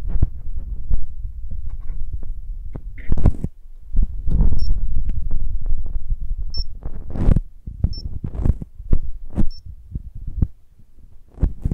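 Soft low thumping through a stethoscope, mixed with handling noises and a few electronic beeps; a heartbeat in a roleplay checkup.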